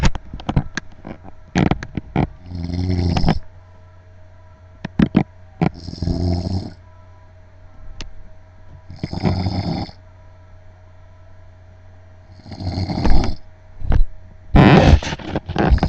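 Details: Adult man (husband) snoring loudly: rough snores on each inhalation about every three to four seconds, with sharp clicking noises in between.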